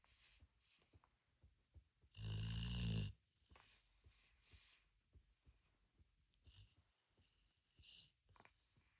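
One loud, low rattling snore amid quiet breathing and soft snuffles; snoring in sleep.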